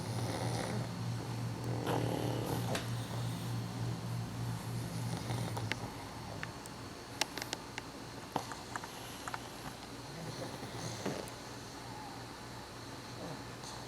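Steady low rumbling breathing with snuffly noises and scattered clicks from several sleeping dogs: snoring.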